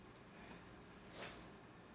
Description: I sneeze so much, any time